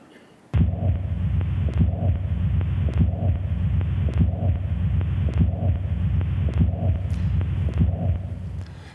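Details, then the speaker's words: Adult man with a congenital faulty mitral valve, heard through a stethoscope during a cardiologist's exam: a regular heartbeat near 50 a minute with a whooshing "wish wish" washing-machine-like murmur filling each beat; mitral valve heart murmur. "wish wish maytag sound was a faulty mitral heart valve congenital I was one of the 33,000 babies born with a problem"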